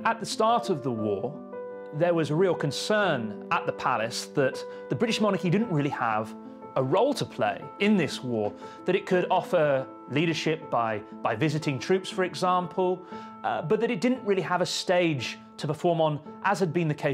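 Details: Adult male narrator; ordinary speech.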